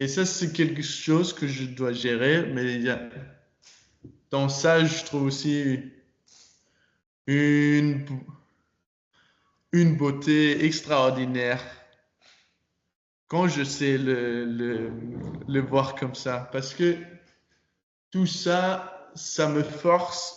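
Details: Stuttering in a 22-year-old man speaking French; he began actively working on his stutter in his final year of high school, which he says changed it a lot.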